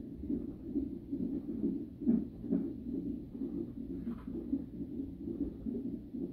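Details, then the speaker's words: Fetal heartbeat on monitor during a 37-week non-stress test in a high-risk pregnancy; the heart rate rises when the baby moves, then falls, read as a healthy baby. "When the baby moves, you can hear when the baby moves, the heart rate will go up. And then when the baby moves, the heart rate will go up."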